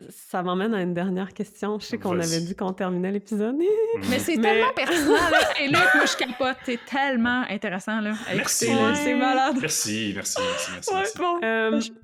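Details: Adult woman, French conversational speech; no speech disorder.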